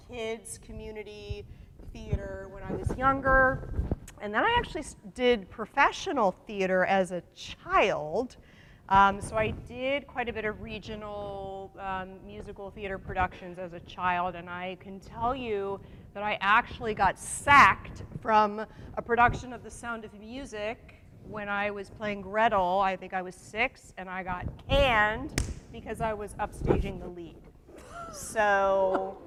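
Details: Adult woman; Normal voice.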